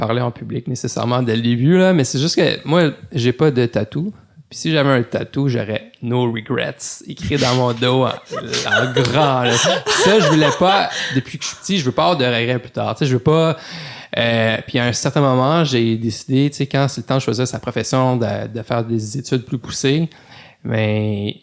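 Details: Adult male lawyer who stutters, speaking French in a podcast interview; stuttering.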